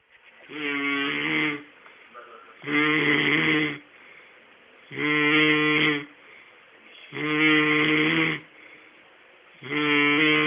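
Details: Man asleep in front of the TV: regular loud buzzing snores on each breath, about 26 a minute, with quiet breathing between them; ordinary snoring.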